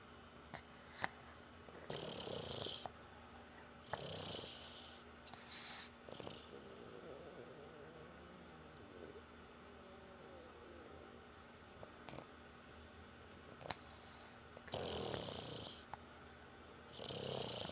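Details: Short, soft snorting snores with noisy, irregular breaths from a sleeping baby, mixed with light room noise; ordinary infant snoring.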